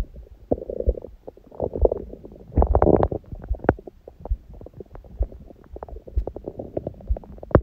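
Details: Own belly after eating and after abdominal exercise; the first meal was a large one at 16:00 after water-only fasting since 19:00 the previous day, on a raw-food diet. Frequent gurgles, pops and rumbling runs: active normal bowel sounds.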